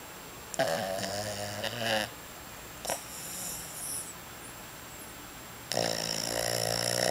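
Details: Male sleeping while sitting up, snoring heavily: loud, rattling, vibrating breaths in long bursts with quiet pauses between.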